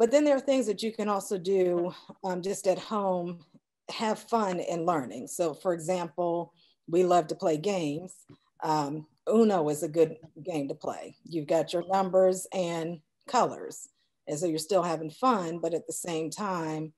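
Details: Adult woman; normal speech.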